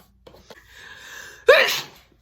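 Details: Woman recording sneezes after recently recovering from a cold: several catching breaths building up, then one loud, explosive, wet-sounding sneeze.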